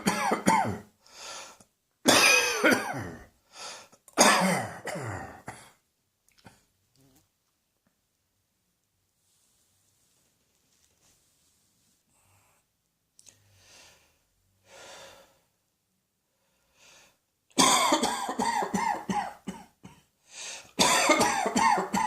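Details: Two bouts of repeated harsh coughing separated by a long quiet pause, with some throat clearing; cough.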